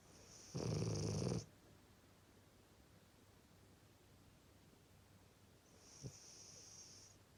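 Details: A sleeping dog snoring: one loud, low rumbling snore lasting about a second, then quiet breathing and a fainter second snore.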